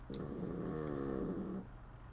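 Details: A resting dog gives a single soft, buzzy snore on one breath in a quiet room: snoring.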